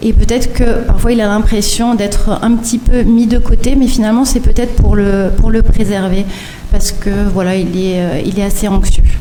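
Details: Adult woman speaking French; ordinary speech.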